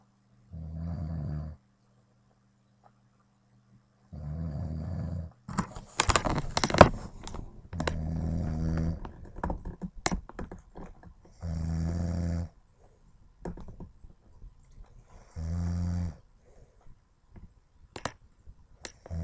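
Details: Loud, rattling snores in regular bursts about every four seconds, roughly 15 breaths a minute, from an adult man asleep.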